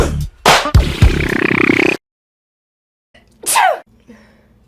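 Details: Compilation of women sneezing: a loud, forceful sneeze with a sharp burst of air, a pause, then a second shorter sneeze-like burst.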